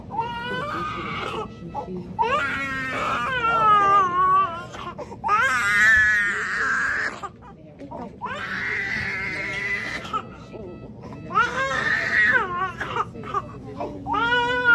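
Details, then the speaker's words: A 9-month-old baby girl cries after tongue-tie surgery (frenotomy). The wails are loud, sustained and wavering, as if she is in pain after the procedure. "crying but I don't I really don't think so like she was really crying like she was in pain so yeah"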